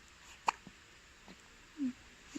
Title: Early morning hiccups